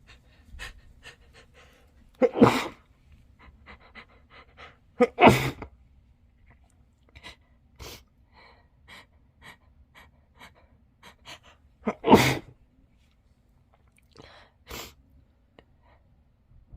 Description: Sneezing into a tissue